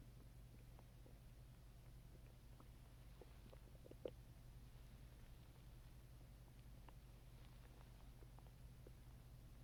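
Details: Soft, scattered gurgles and clicks of an active stomach after drinking Coke, over a steady low background hum: bowel sounds, stomach growling (borborygmi).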